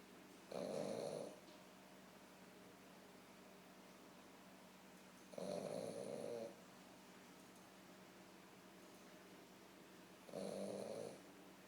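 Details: A female dog snoring: three slow, rough snoring breaths about five seconds apart, roughly 13 a minute, over quiet room noise.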